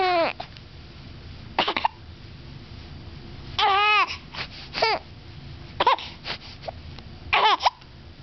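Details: A 7-week-old infant has hiccups, making brief squeaky, voiced catches every few seconds, some with a short whimpery tail, consistent with ordinary infant hiccups.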